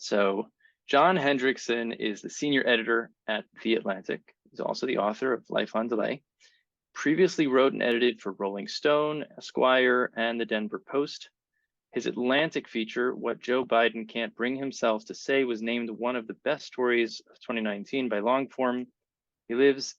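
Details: Adult male speaker; typical speech.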